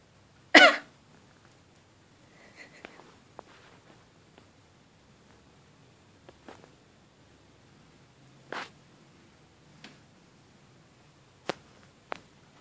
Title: Shiba thinks coughing is annoying